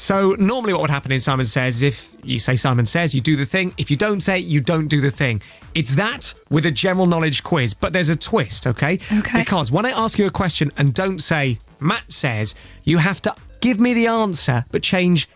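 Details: Adult male speaker; normal speech.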